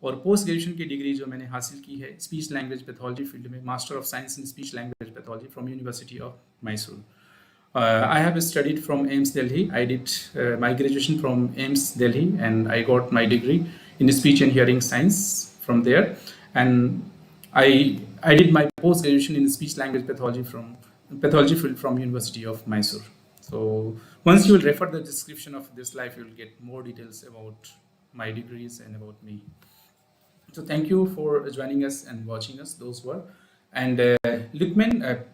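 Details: Adult male speaker; Unaffected speaker.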